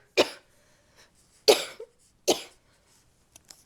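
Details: Woman still sick, with a doctor-diagnosed left ear infection and possibly a cold caught from coughing relatives: three separate harsh coughs over about four seconds, each a sharp burst with a short trailing rasp.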